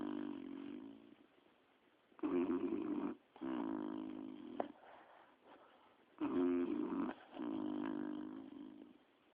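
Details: Loud, rough, rattling snores from Chaos and B resting on a sofa, slow rhythm about 15 a minute with quiet gaps; snoring.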